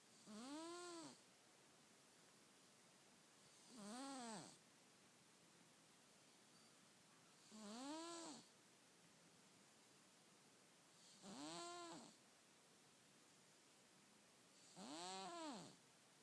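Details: Sleeping cat: five soft, high-pitched whistling snores at a steady pace of about 16 a minute, with quiet hiss between; harmless snoring.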